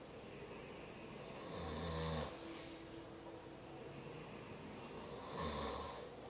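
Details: Two sleepers napping together snoring: two low, fluttering snores on inhalation about three and a half seconds apart, with hissy exhales between; snoring.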